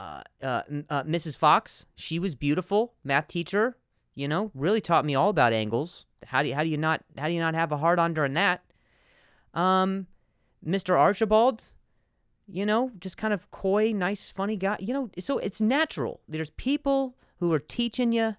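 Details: Adult male with stuttering, speaking spontaneously as a podcast host, repeating a word many times.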